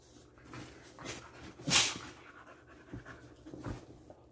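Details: Dog panting after playing outside for hours, before bedtime: rapid, breathy in-and-out breaths with faint whimpering.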